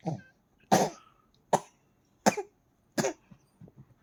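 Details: Infant coughing: five short coughs about a second apart, with a little throat noise after.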